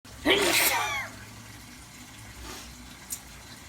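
A single forceful adult sneeze, a sharp voiced burst of air, then quiet room noise.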